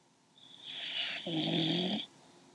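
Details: Sleeping dog that habitually snores, said to snore like an old man: one drawn-out snore, a whistling breath turning into a buzzy, humming rumble.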